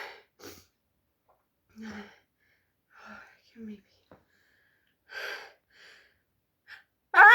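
Several quiet breathy catches and short voiced 'ah' sounds build up, ending in one loud, sharp sneeze burst.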